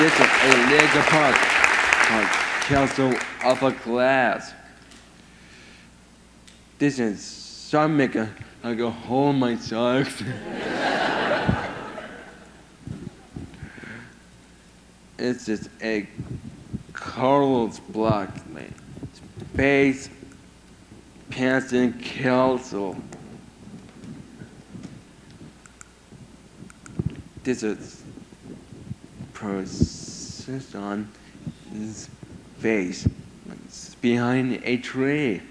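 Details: 22-year-old man with severe autism who lost language at about 15 months, had years of speech therapy and says only a few sentences a day; mother warns most is hard to understand; speech impairment in severe autism.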